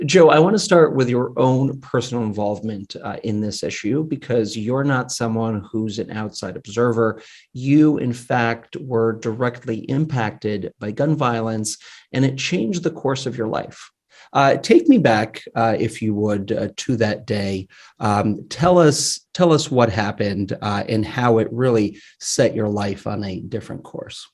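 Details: Adult male speaker; Normal speech.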